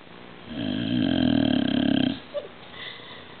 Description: Nala had surgery yesterday and she did not feel well. She had meds and was snoring loud.